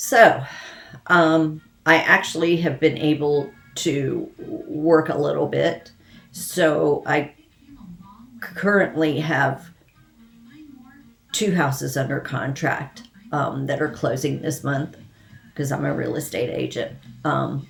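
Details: Hypokinetic dysarthria in an adult woman with Parkinson's disease and essential tremor, who says her voice is affected and she is tremoring as her medication wears off.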